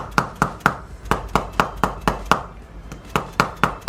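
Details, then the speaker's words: Mallet percussion in manual spinal correction from thoracic vertebra 12 to lumbar 3–4, given for degenerative knee arthritis: rapid sharp wooden taps, about two a second, with brief pauses along the lower back. "이런 돈을 써서 고타 법을 통해서 아"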